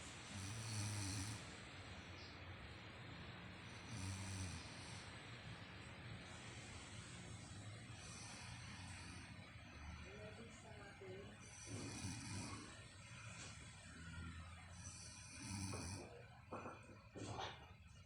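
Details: Adult woman sleeping: low, rough snores on each in-breath, about 18 breaths a minute, over steady room noise; snoring.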